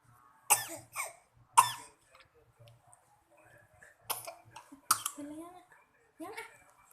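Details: A child coughs in several short bursts with throat clearing between them while eating an apple; coughing during eating.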